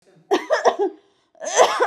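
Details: Acted cough in a comedy skit of a woman asking a doctor for cough medicine: about four short voiced coughs, then after a pause one longer cough.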